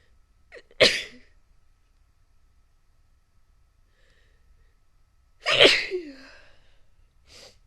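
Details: Two sharp, explosive sneezes, each after a brief catch of breath, separated by silence; ordinary sneezing.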